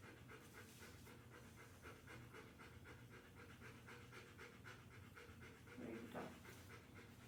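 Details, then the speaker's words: Rapid, steady panting from a dog, far faster than resting breathing, during a restrained TPR exam with a stethoscope; the panting is normal for her because she gets anxious during physical exams. "it is normal for her to pant during physical exams because she does get a little anxious"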